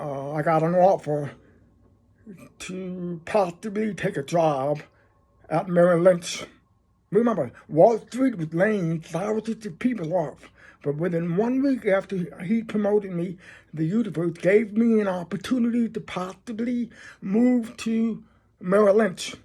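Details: Adult man who is deaf and describes his own speech as a deaf voice; deaf speech.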